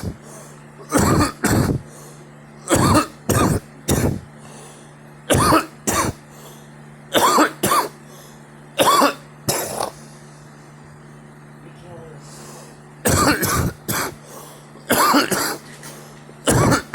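Repeated harsh adult coughs, about seventeen, coming in short runs of two or three, over a steady low hum.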